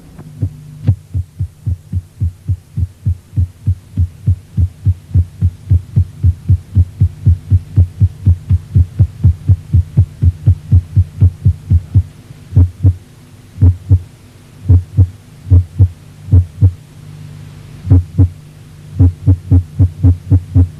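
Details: Rapid, regular heart sounds of supraventricular tachycardia that abruptly slow, pause, then resume in response to vagal stimulation by carotid sinus massage or Valsalva maneuver; steady low hum in the background.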